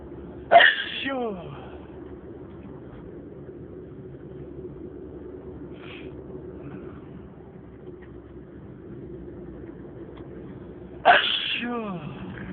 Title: Stifled and a few louder sneezes